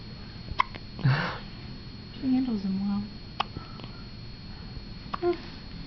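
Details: 2-day-old baby girl having hiccups for the first time: a few short, abrupt hiccup sounds between soft infant noises, with adult voices in the background.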